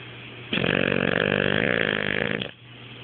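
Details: Wasabi snoring while asleep with half-open eyes: a single two-second fluttering, rattling breath sound over a quiet background; a snore.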